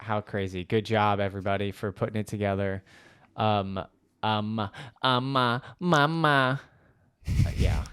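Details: Adult man talking; normal speech.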